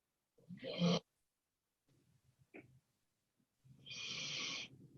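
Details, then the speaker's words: Oscar, a sleeping dog, snores in a quiet room with rough, rattly breaths and a whistling edge. "Maybe they're snoring. This dog, I think, is snoring in every single one of my videos."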